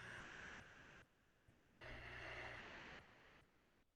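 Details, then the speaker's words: Imitated slow breathing, long airy breaths with pauses between them, demonstrating bradypnea, a low-frequency breathing pattern associated with obesity and alcoholism. "next we have bright apnea which is the low frequency breathing pattern that we see in obesity and alcoholism"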